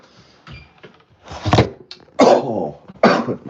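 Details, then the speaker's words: 30-year-old man who says he smokes too much: three harsh, rough coughs with throat clearing; smoker's cough. "Like, I even got a smoker cough like crazy now because I smoke too much. Like, I sound like a 60-year-old man, but I'm 30."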